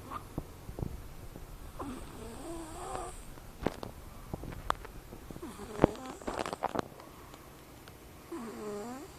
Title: lakas ng snore!!